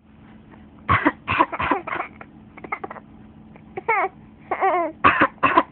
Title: coughing is funny